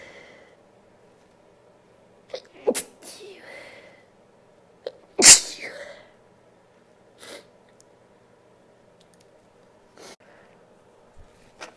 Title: More induced sneezes, stifles and nose blowing (F)